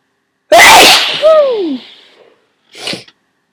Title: Huge cold sneezes